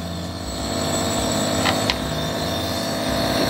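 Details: Omron Inalar Compact compressor nebulizer with a mask, switched on during a repair demonstration because it runs but produces no mist: steady mechanical hum and whine of the compressor motor, with a couple of faint clicks.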